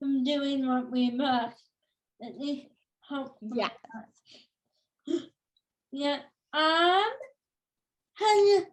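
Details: Adult woman with cerebral palsy since birth, which she says has become tighter with age: dysarthria (cerebral palsy).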